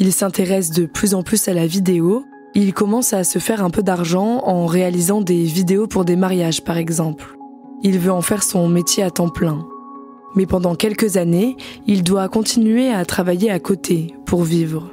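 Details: Adult narrator; no speech disorder.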